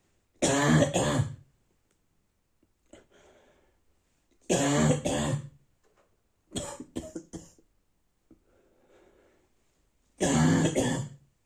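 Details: Adult man with a bad cold, coughing in the morning; he reports a terrible cough with everything hurting inside. Four harsh, dry coughing bouts, each a quick cluster of barking bursts, separated by quiet breaths: a dry barking cough.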